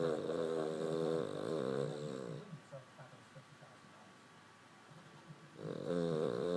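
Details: Dog snoring while asleep, and he can snore louder than this: loud, buzzing snores on the in-breath with a quiet pause between.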